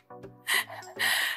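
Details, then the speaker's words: Adult woman out of breath after briefly carrying a table and chairs, unable to stop panting: a brief voiced sound then two loud, breathy gasping exhales; she also reports breathlessness on a few stairs lately. "こうちょっと餌ほさ運んだら思ったよりなんか息切れ止まらなくてカレーを感じまし"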